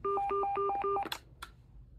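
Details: LIFEPAK 1000 automated external defibrillator during CPRMax pre-shock CPR time: repeating two-note electronic alert tones followed by clicks.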